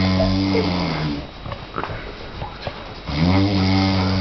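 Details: Person snoring on a trip, very loud: low rumbling snore on the in-breath, a quieter pause, then another snore starting.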